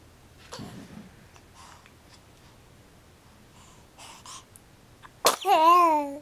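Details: Young child gives a single sudden, sharp sneeze with a voiced trailing cry after faint quiet sounds.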